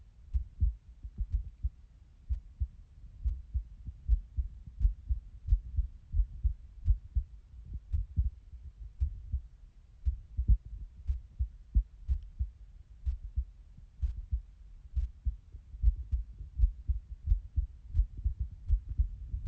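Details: Heartbeat recorded by a person with self-reported sinus arrhythmia using a phone held to the chest: steady low thumps about 85 a minute with slight variation in beat spacing.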